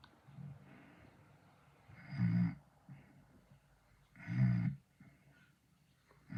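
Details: Modified snoring sound effect: two loud, low rumbling snores about two seconds apart, with softer breathing sounds between them.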